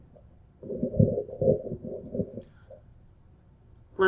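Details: Normal bowel sounds heard on abdominal auscultation of a female patient during a physical examination, after clear anterior and posterior lung sounds.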